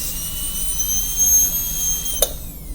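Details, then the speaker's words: High steady whine of a high-speed dental handpiece with a new #330 burr cutting the isthmus along the central groove of a class II DO preparation on a model tooth #5, student training; brief click near end. "And I've just cut the isthmus. Now that's fairly narrow at this point, but I want you to concentrate on making sure the burr is right on top of the central groove and it's not leaning facially or lingually."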